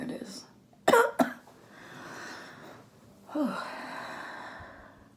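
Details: Adult woman, an orthopedic surgeon recovering from COVID-19 at home, doing a phlegm-clearing exercise: two quick coughs, then long, heavy, noisy breaths in and out; cough and laboured breathing during airway clearance.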